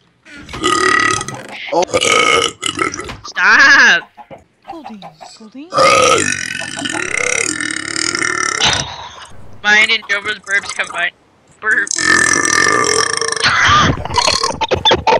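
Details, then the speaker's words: Deliberate burping: several long, loud, voiced belches in a row with brief gaps. "That was not a hiccup. Yeah, burp, no."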